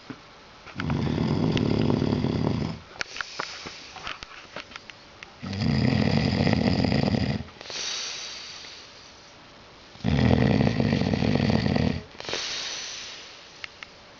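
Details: A drunk man sleeping through an earthquake: three loud, rough, low rattling snores on the in-breath, each followed by a softer out-breath, about four breaths a minute; snoring.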